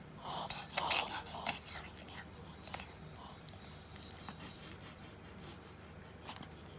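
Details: Toy Poodle, female, 2 years 3 months, with frequent laboured-breathing episodes brought on by excitement. Rapid, harsh inward snorting breaths in a quick series; a veterinarian called it reverse sneezing, needing no treatment, only watching.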